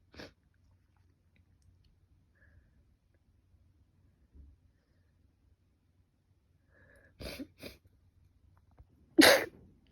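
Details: Person with a cold and allergic rhinitis, runny and stuffy nose, and a fever for five days; several short sharp sneezes spaced over quiet, ending in one louder sneeze; repeated sneezing.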